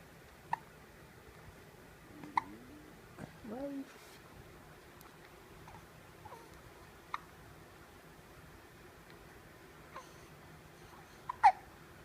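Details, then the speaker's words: About six sharp, brief hiccups over twelve seconds with soft vocal sounds between, in an infant in a quiet room, in the morning. "Have you got the hiccups?"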